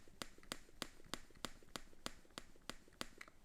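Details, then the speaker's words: Lansinoh manual breast pump during a pumping session: quiet, regular sharp clicks about three times a second as the handle strikes the pump body; pump otherwise quiet. "when you're pumping the pump is very quiet while you're pumping but the handle makes a clicking noise against the pump body in the middle of your pumping session"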